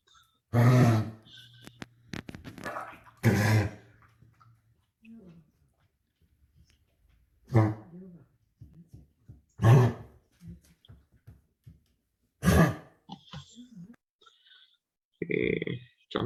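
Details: Dog cough typical of tracheobronchitis, acute lower respiratory tract problem: several harsh, forceful coughs separated by pauses with quiet talk.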